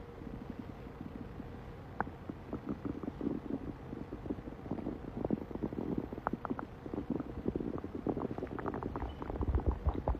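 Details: Male stomach growling: soft crackly gurgles and rumbles over a steady hiss; borborygmi.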